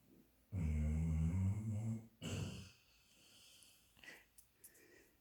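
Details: Female dog asleep and said to be dreaming; a long, loud, rattling snore on one breath, then a shorter second one, in a quiet room; snoring.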